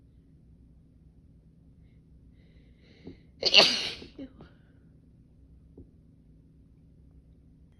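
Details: Female with spring allergies, off allergy medication all weekend, itchy nose and throat: a short catch of breath, then one loud, explosive, wet allergy sneeze and a few soft sniffs, with nose blows; sneezing.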